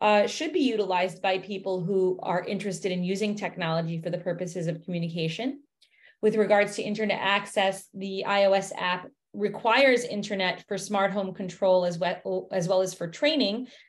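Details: Adult woman speaking; normal speech.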